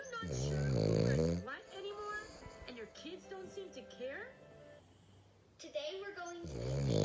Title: Frenchie snoring